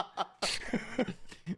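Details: Cough.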